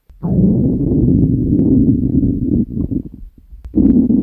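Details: Stomach growling (borborygmi) recorded from a woman while she sleeps: a long, low rumbling gurgle lasting a few seconds, fading and then returning.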